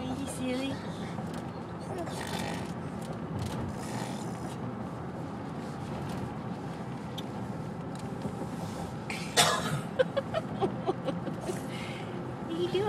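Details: A young girl gives a few short, deliberate fake coughs over steady background road and room noise.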